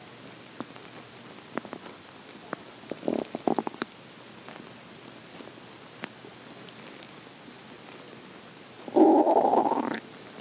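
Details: Morning hunger stomach growling: scattered soft pops and gurgles, then a loud drawn-out rumble near the end; ordinary borborygmi.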